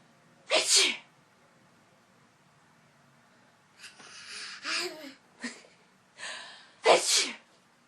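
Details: Deliberate fake sneezing: several sharp, hissing sneeze-like bursts with breathy in-breaths between; imitated, not real, sneezes.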